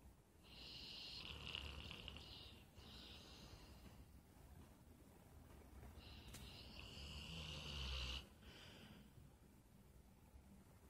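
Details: Sleeping dog, loud enough to wake the owner: rough snoring with two long noisy breaths and shorter ones between them.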